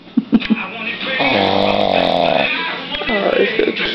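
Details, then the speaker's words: A pug lying sprawled on a warm lap while being petted snores loudly, a drawn-out, buzzing, tonal snore between short snuffly noises: dog snoring. "no it's as loud snoring still snoring big eyes"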